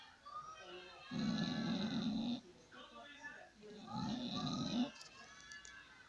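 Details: Two long, rattling, rough inhaled snores separated by quiet breathing out; snoring.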